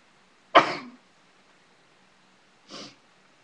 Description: sneezing..used sneezing powder.. sneezed so hard my back hurts. Comment!